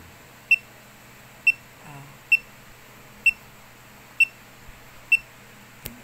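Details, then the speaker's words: Fingertip pulse oximeter clipped on an older man's (father's) finger, hand resting on a thigh: steady high-pitched beeps at about 64/min, each marking a heartbeat, judged a normal pulse rate. "So may naririnig kayong sound so sa Sound pa lang may idea na kayo kung mabilis ba o ma o mabagal yung tibok ng puso"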